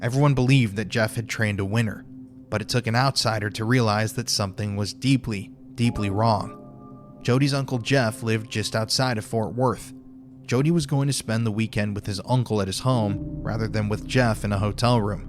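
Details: Adult male narrator; normal speech.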